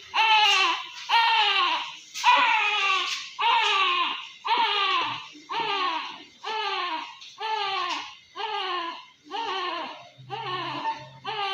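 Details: A newborn in the NICU after C-section delivery, monitored for respiratory distress, with neonatal expiratory grunting amid crying during the initial assessment.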